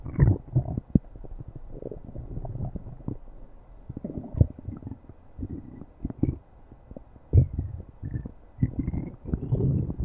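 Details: Stomach growling (borborygmi) from an animal: low, irregular gurgling rumbles and bubbly pops that come and go over ten seconds.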